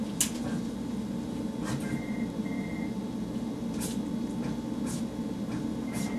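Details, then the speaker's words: Intra-aortic balloon pump turned on at the bedside during patient teaching so the patient recognizes its sound: rhythmic sharp puffs about every one to two seconds with brief soft beeps over room hum, a normal IABP operating sound. "Another thing when you come back is you'll hear the balloon pump. Right now it's off, but I want to turn it on so you're not alarmed when you hear these sounds when you first come back. And the balloon pump will sound like this."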